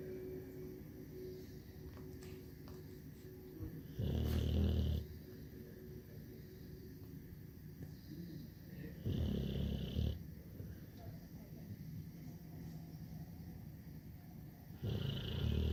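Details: Sleeping dog snoring: deep rumbling snores, about three in 15 seconds, against steady room noise.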